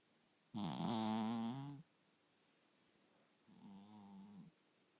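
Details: Sleeping cat snoring: two slow, rattling, buzzing breath sounds separated by a quiet pause.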